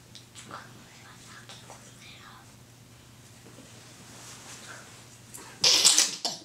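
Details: Reporter with a cold, on air: quiet room sounds and soft breathy noise, then one loud sharp sneeze burst near the end.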